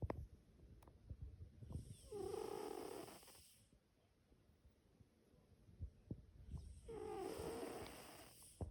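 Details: A sleeping pet gives soft, rattling snores, each a second or two long, about twelve breaths a minute, with faint room noise between them; snoring.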